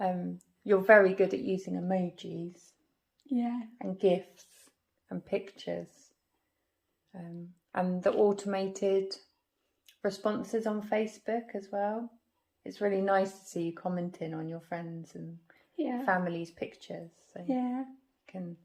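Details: Adult female speaker; normal speech.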